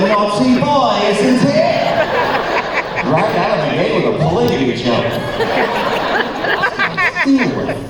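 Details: Man, former record producer, with incurable spasmodic dysphonia developed at the height of his career, progressively worsening until voice was lost, unhelped by vocal coaches or doctors, still audible; spasmodic dysphonia.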